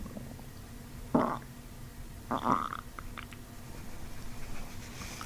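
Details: Two brief bubbling bowel gurgles during a chiropractic abdominal treatment while the patient takes deep diaphragmatic belly breaths for bloating.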